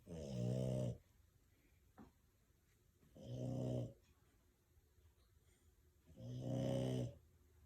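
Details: Three loud, rattling snores with quiet pauses between, about 20 a minute, from a sleeping French Bulldog.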